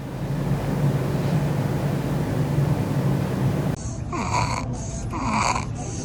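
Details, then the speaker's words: Child with congenital stridor from laryngomalacia since the first month of life, intermittent, mostly in sleep, restlessness and crying, heard without a stethoscope, no fever: rapid, high-pitched crowing sounds with each breath after low rumbling noise. "стридера наблюдалось у ребёнка с первого месяца жизни не постоянно, чаще во время сна, при беспокойстве и плаче."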